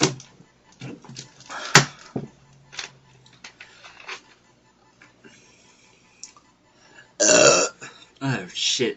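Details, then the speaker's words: Several loud, drawn-out voluntary burps broken up by brief speech, after drinking a store-brand soda; belching. "that was weak all right I'm all done"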